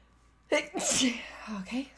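A single sharp sneeze with an in-drawn breath before it and a short voiced tail after.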